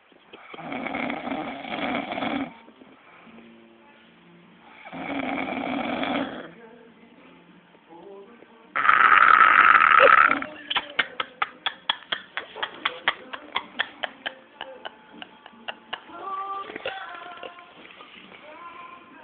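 Loud rattling snores on breathing in, followed by a fast fluttering rattle; snoring.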